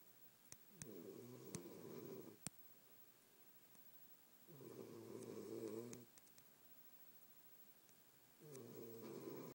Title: You Snore... I Don't